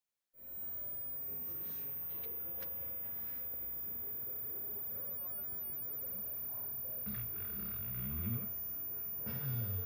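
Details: Basset hound dog snoring: low, rough rumbling breaths rising out of steady room hiss, loudest in the last few seconds.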